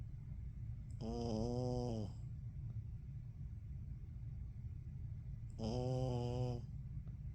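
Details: Snoring during sleep: two long, rattling, tonal breath sounds about four seconds apart over steady room hum.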